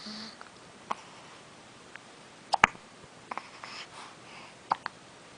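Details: Short, sharp catches in a baby's breathing, a few seconds apart, against quiet room noise; infant hiccups.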